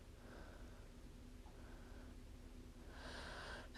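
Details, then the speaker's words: Normal venous Doppler augmentation in the proximal greater saphenous vein, obtained by calf squeeze during lower-extremity venous ultrasound for clot: soft low whooshing rising into a louder rushing surge. "sometimes you have to [Music] squeeze the thigh but i was able to get it from doing an augment in the calf just fine got a perfectly fine augment"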